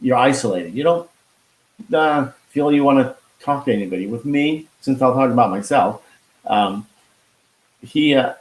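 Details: Expressive aphasia after a stroke with heart attack in 2016 in a man, now 53, who could not talk at first and still loses words; hospitalised five months.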